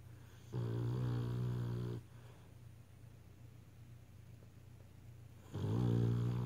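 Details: Sleeping beagle snoring: two long, buzzing, vibrating, low-pitched snores about five seconds apart with quiet breathing between.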